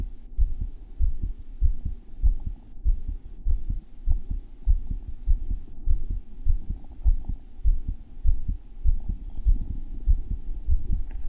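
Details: Adult male recording his own heart when it felt thumpy, heart rate checked midway with an Apple Watch ECG app: strong, deep thudding heartbeat about 100 a minute, steady rhythm, a forceful pounding heartbeat.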